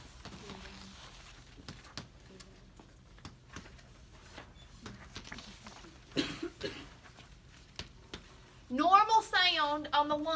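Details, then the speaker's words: Soft, even percussion taps over the posterior chest, done in sequence during a respiratory assessment demonstration: the normal resonant note of healthy lung, neither too loud nor too soft. "are called resonance resonance and that is just a equal sound everything's the same it's not it's just that it's not too loud it's not too soft"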